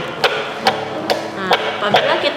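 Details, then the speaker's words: Fetal heartbeat on a MIKI MPD01 fetal Doppler with gel: regular rapid beats at about 140 a minute; the green indicator shows the rate within the normal 120–160 range. "indikatornya berwarna hijau dan menandakan bahwa dia dalam batas normal artinya denyutan jantung pada janinnya di range normalnya 120-160"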